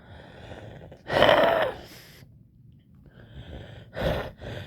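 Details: Female patient blowing out and in on request: a forced breath with a brief whistling musical tone, followed by quieter breaths; wheezing.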